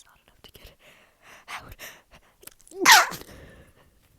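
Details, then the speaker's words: Soft sniffs and breathy build-up, then a single sharp, loud sneeze burst with a brief voiced onset and quiet breathing; sneeze deliberately induced with chhinkni snuff powder and a rolled-up tissue, after a faint nasal tickle and a stuffy nose. "It's like that annoying tickle where it's like barely a tickle. And it's enough that it's noticeable,"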